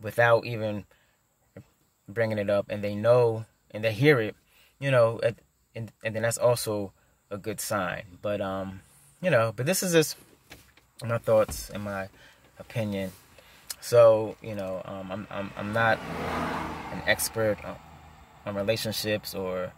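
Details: Adult male who stutters; stuttering.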